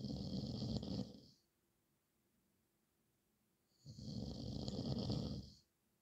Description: horlama sesi gecelerimin kabusu horultu sesi